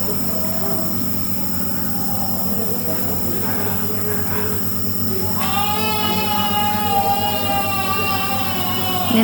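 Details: Steady rhythmic motor drone of a nebulizer compressor running during a child's inhalation treatment for cough and runny nose (colds).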